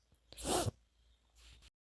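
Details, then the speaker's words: Adult with flu and cough, gardening: a single explosive sneeze or cough burst followed by quiet; sneeze or cough. "Gente, não repara que eu tô com gripe tosse, minha voz tá horrível."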